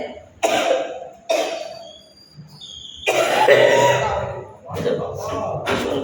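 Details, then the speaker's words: Adult with a heavy cough and recent fever, treated with paracetamol, coughs so much while talking outdoors on a trip that speech is hard to hear; cough. "কাশিতে কথা শুনতে পাচ্ছি না"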